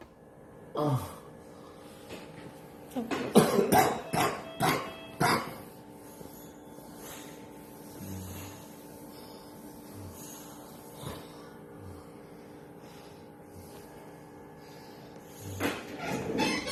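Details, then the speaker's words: Adult with cerebral palsy, about two days after wisdom teeth surgery, coughs in a brief cluster of harsh bursts, then again near the end; suspected aspiration, enlarged tonsils, still coughing up some blood. Cough. "but your tonsils being enlarged didn't really help the situation and that's why you see me like kind of coughing yeah i'm still kind of coughing up blood"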